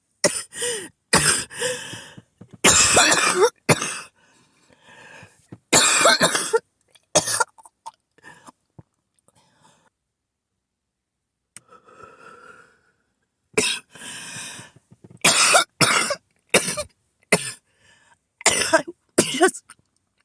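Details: Repeatedly woken by coughing, called an asthma attack: repeated harsh, forceful coughs in bursts, with throat clearing and a quieter pause in the middle; coughing fit.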